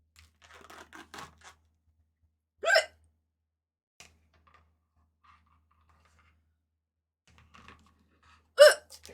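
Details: Streamer with hiccups on a live stream: two sharp, abrupt voiced hiccups about six seconds apart, with faint kitchen noise between them, while preparing food.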